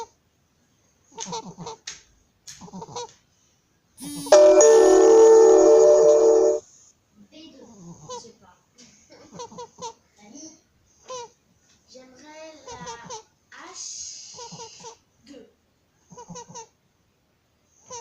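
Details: 34-day-old baby with laryngomalacia: repeated high-pitched crowing noises with each breath in, inspiratory stridor.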